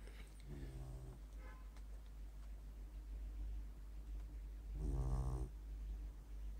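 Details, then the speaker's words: Beagle snoring while sleeping with her eyes open, hard to wake: two deep, rumbling snores on breaths in, a few seconds apart, over a low steady hum. "Leah your your eyes are opening but you're still snoring you need to sleep apnea machine sweetie"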